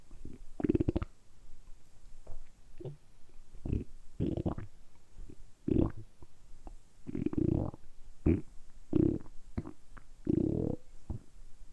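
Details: Deliberately produced stomach rumbling (borborygmi), kept up continuously for about 10 minutes in a close-up ASMR recording. Repeated low gurgling rumbles from the belly in bursts, ordinary bowel sounds.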